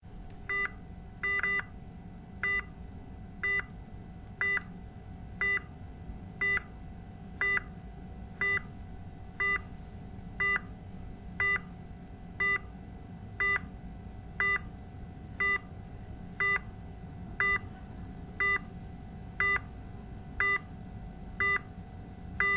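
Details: Steady electronic beeps about once a second over a constant hum: a repeating patient monitor alarm.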